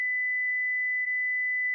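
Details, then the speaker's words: Philips HeartStart FRx automated external defibrillator in a demonstration gives a steady pure high beep under two seconds as it delivers an advised shock; AED shock delivery tone. "shock advised stay clear of patient press the flashing orange button now deliver shock now"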